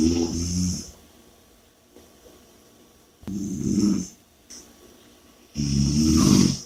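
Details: Loud, rough snores on each in-breath, separated by quiet out-breaths; heavy snoring during sleep.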